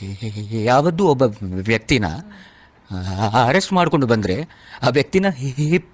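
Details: Male actor deliberately performing a stammer for a lawyer character in a Kannada courtroom film dialogue, not a real disorder: acted stammering.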